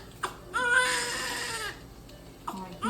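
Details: Newborn boy just after delivery in hospital, 5 lb 2 oz, amid failing placenta and known birth defect: short, high, strong wailing cries with soft music behind; a lusty cry.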